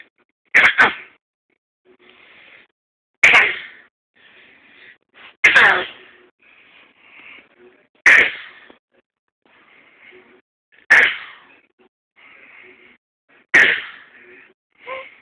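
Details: A 6-month-old baby girl gives six short, sharp, deliberate fake coughs about every two and a half seconds with soft vocal sounds between, apparently to stay awake; a voluntary cough.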